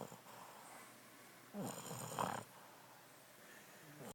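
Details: Single rough, rattling snore against quiet room noise from a sleeping Boston Terrier; snoring in a short-nosed dog.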